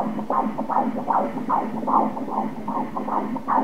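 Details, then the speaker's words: Fetal heartbeat on Doppler ultrasound at 19 weeks of pregnancy: rapid, regular whooshing beats measured at 153 beats a minute, within the normal range. "Regarde le coeur qui bat là-bas - écoutons le coeur Comme il bat beau, hein ? C'est le cœur"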